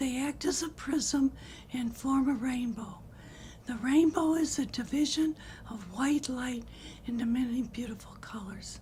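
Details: Woman with unilateral vocal fold paralysis, recorded before treatment, who later had a temporary filler injection and then thyroplasty; breathy voice from unilateral vocal fold paralysis.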